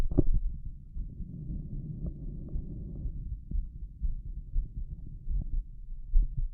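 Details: Heart auscultation of a shirtless adult male with a visibly heaving apical impulse, listening at each valve: a loud, rapid heartbeat heard through a stethoscope.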